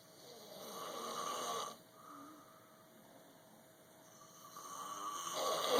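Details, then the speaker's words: Snoring in a hotel room, two people said to be snoring and keeping the recorder awake: rough, rattling snores rising and falling with each breath, with room background noise; ordinary snoring. "Two damn gorillas in a damn hotel. Keep me up."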